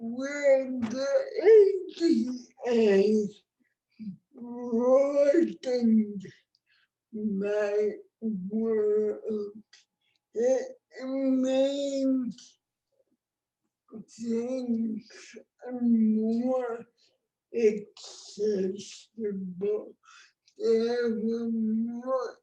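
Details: Adult woman with cerebral palsy, present from birth (born before the ADA); heavily affected speech, dysarthria due to cerebral palsy.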